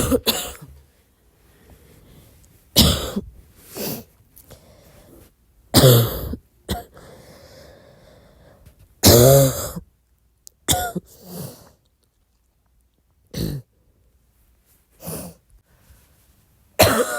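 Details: Soft coughing at midnight: about eight soft, short single coughs and throat-clearing sounds, spaced irregularly over quiet breathing.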